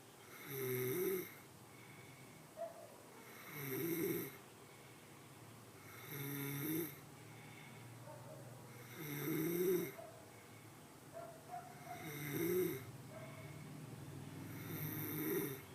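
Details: Snoring: regular rumbling snores on each breath, about 21 a minute, with quiet gaps between.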